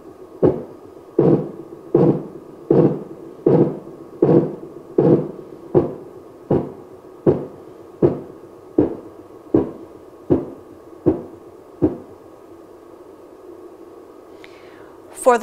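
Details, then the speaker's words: Simulated Korotkoff sounds from a geriatric care training manikin's arm, cuff inflated past 200 and slowly released: regular tapping thumps about 79/min, fading near twelve seconds as cuff pressure falls. "slowly allow the air to release and listen for the 5 kurodo cough sounds"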